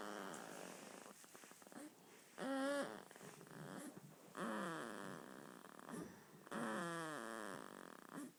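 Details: 2-week-old baby boy snoring while asleep: squeaky, snorty breathing sounds with a few drawn-out grunting noises; infant snoring.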